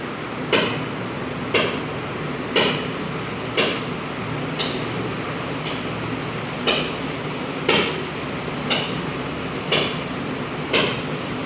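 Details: Sharp hammer-like knocks about once a second over steady machine hum: ESWL shock waves on an 11 mm stone in the left kidney's lower pole, soft on ultrasound, suspected uric acid; patient lying resting.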